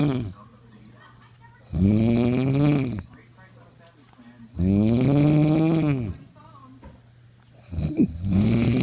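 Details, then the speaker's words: Sleeping father, suspected sleep apnea, heard from the living room: loud, rough, buzzing snores on each in-breath, about three breaths with quiet pauses between; heavy snoring. "My dad's snoring like a shaver or a pig. He's so loud. I can hear him from the living room."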